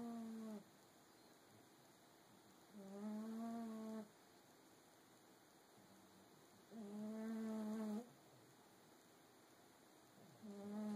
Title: snoring